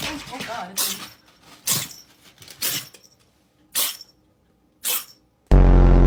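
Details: Cat sneezing repeatedly: several short, sharp hissing bursts in quick succession, followed by a loud burst of music.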